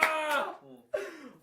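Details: Adult male K-pop singer deliberately imitates a loud sneeze, a strong shouted voiced burst trailing off, then a shorter one: imitated sneeze.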